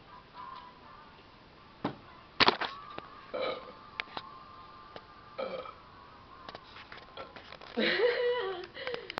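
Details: Person burping deliberately: several short, croaky belches, the last one longer and louder, over faint background music.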